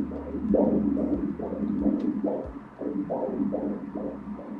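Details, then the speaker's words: Normal fetal heartbeat at about 140–141 a minute, heard as rapid, regular whooshing pulses on umbilical cord Doppler ultrasound at 16 weeks of pregnancy. "Look here, we can also hear the baby's heartbeat, in the cord This glow that we see in the umbilical cord is the baby's heart"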